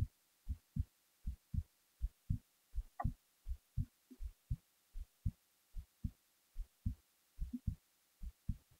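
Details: Steady low paired thumps at about 80 a minute through a quiet background, recorded while falling asleep; an ordinary heartbeat at rest.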